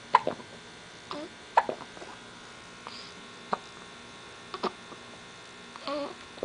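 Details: Hiccups while trying to poop: brief sharp gulping clicks repeating at irregular intervals, about 40 a minute, over quiet room hum.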